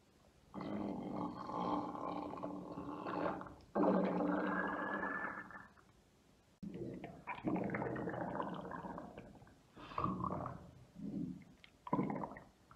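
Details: Adult woman's deep tummy and belly rumbles recorded for ASMR; deep, drawn-out gurgling rumbles from gas and fluid moving, ordinary bowel sounds (borborygmi).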